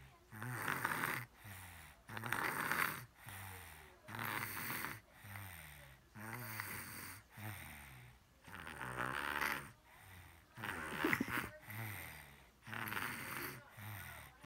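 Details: A sleeping puppy snores like a truck: loud, rattling snores on both inspiration and expiration, about 17 breaths a minute.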